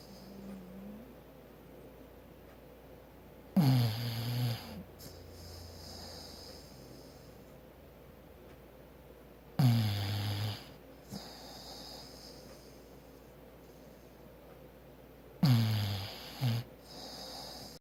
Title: Maggie the Bulldog - snoring